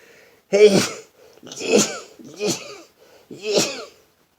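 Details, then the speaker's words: Adult man just out of bed in the morning, nose stuffed up since the night before: four sneezes in quick succession, each a sharp voiced burst; repeated sneezing. "a morning video another one of sneezing and it's horrible today I knew when I went to bed last night I was stopped up"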